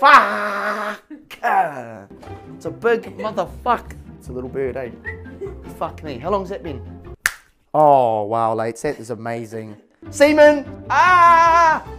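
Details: Adult man; Tourette syndrome vocal tics (coprolalia).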